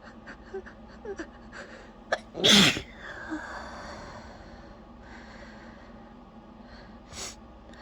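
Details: Person trying and failing to suppress sneezing; one sneeze leads to more: a single loud, explosive sneeze preceded by quieter sniffing breaths.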